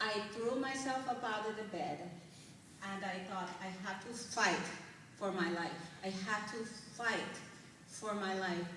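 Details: Adult woman whose dialect changed immediately after a stroke-like brain injury in November 2004, possibly permanent, still slow after six months of speech therapy, also using music rhythm therapy; foreign accent syndrome.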